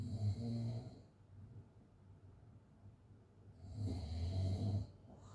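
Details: Person snoring with an open mouth during sleep: two deep, rattling snores with a quiet pause between them.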